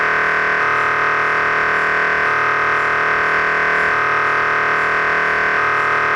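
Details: MRI scanner noise: a loud, continuous electronic buzzing drone with rhythmic tone shifts every couple of seconds, as the scanner runs a sequence.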